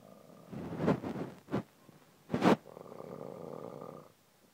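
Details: Man sleeping outdoors in a garden in Cowes, snoring very heavily: loud, rough, fluttering rattles with sleep breathing, then a quieter rumbling stretch, faint outdoor background.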